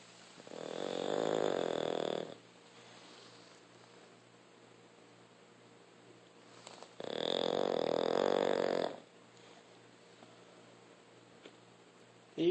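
Two long, buzzing snores about six seconds apart, slow, steady noisy breathing during sleep typical of a flat-faced dog.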